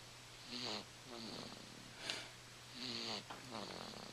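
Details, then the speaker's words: Sleeper recorded just after midnight, lying with one hand up in the air, giving repeated rough, buzzing, unevenly timed breaths over steady room hum; loud breathing, snoring. "of course it's a loud breathing or in this case snoring"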